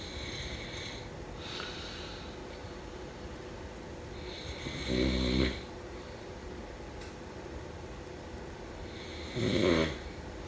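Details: Slow, irregular snoring in a quiet room, about two loud rattling breaths in ten seconds with softer breathing between.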